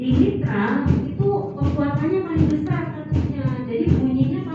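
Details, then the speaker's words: At the cardiac apex (mitral point), recorded through a microphone, the first heart sound is clearer: regular low heartbeats at about 80 a minute under loud background music; normal heart sounds. "Nah, ini lebih jelas bunyi jantung 1."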